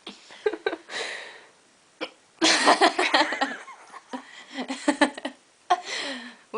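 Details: Several short, abrupt voiced hiccups in a giggling woman at bedtime, with breathy noises and brief laughter in a quiet room; hiccups.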